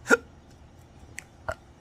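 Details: Three short, abrupt hiccups in under two seconds, the first loudest, from an adult man with chronic, persistent hiccups that treatments have failed to stop.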